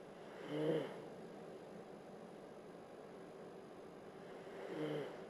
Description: snoring, a whole lot louder than what the camera picked up tho.